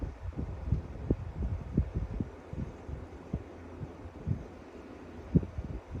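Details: Fetal hiccups at 35 weeks of pregnancy heard through a Doppler probe: muffled, rapid low thumping with an occasional stronger jolt over the fetal heartbeat.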